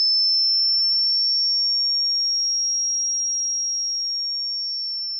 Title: ANNOYING SOUNDS part 3 tinnitus